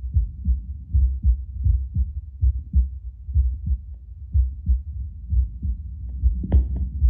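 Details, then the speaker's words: Adult's heartbeat after espresso, via a Bluetooth Littmann CORE stethoscope on a speaker: strong, regular double thumps mostly around 70–75 bpm, stronger than before coffee, with occasional brief jumps to 80–85 bpm. "So it seems like before espresso it was really consistent like 70 75 hanging around there and for the most part it's staying around 70 75 and then every now and then we'll jump up to 80 85 for a little bit."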